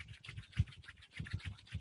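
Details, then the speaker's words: Imitation of a pleural friction rub, made by rubbing the hands together to teach respiratory examination: repeated scratchy, grating bursts. A real rub is described as more intense and heard in both inspiration and expiration. "So these type of the sound you can able to hear in a pleural rub in a more intense way. So it usually heard in both inspiration and the expiration."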